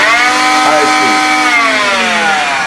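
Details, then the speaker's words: Oscillating cast saw demonstrated at low speed (it has two speeds, told apart by volume) before removing a below-elbow wrist cast; a steady, loud, high-pitched motor whine. "so to do that you take your saw you put it at high speed there's generally two speeds in these you'll be able to tell just by volume low speed okay"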